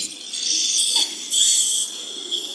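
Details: Hissing, slurping rush of air that swells and fades: surgical suction during live endoscopic sinus surgery, with warm-water irrigation used to reduce bleeding.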